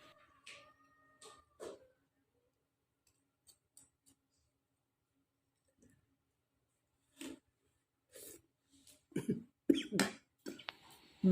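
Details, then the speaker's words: Scattered short throat-clearing coughs building to a harsher cluster, triggered while eating very spicy meatball soup (bakso urat); an irritant cough. "sok-sokan pedes-pedes banget jadi batuk. Dasar doyan pedes tapi juga nggak bisa nahan ini nih tenggorokan."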